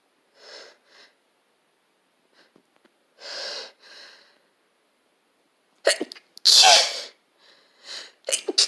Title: Sneezes attack